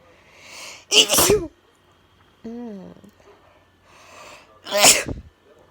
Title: Forceful sneezes